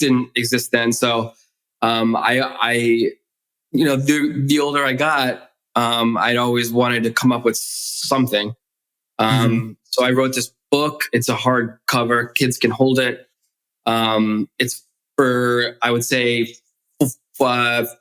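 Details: Stuttering in an adult male who has stuttered since childhood, in spontaneous conversational speech.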